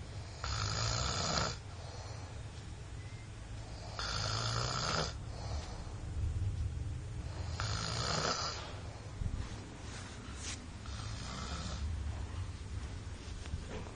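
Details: Loud, harsh snores from a child, about every four seconds (roughly 16 breaths a minute), with quieter breathing between; snoring.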